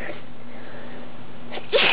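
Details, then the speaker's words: Person deliberately producing messy sneezes: a quiet in-breath followed by one sharp, forceful sneeze; sneeze. "wa that was that was a lot at once I don't think I ever had that many one right after another like that"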